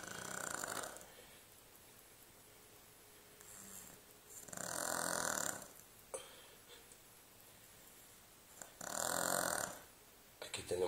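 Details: Shar Pei puppy, a small female dog, snoring while asleep.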